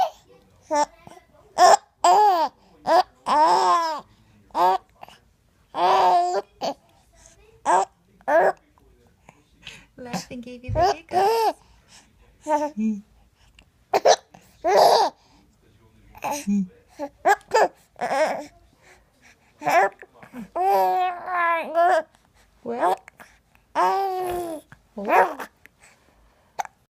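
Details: A young child laughs and babbles, with short, abrupt voiced catches breaking into the laughter; hiccups while laughing.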